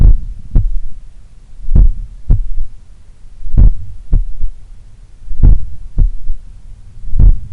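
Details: Heart recorded at the apex in the morning, lying on the left side; very slow strong beats near 33 per minute with soft third thud after S2, attributed to blood recoil or a slightly larger, supple left ventricle. Finding: S3.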